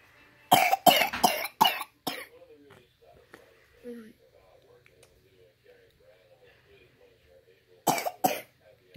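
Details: Sick young child with RSV infection: bursts of harsh, wet-sounding coughs in quick runs, about seven coughs, with fussy crying between them.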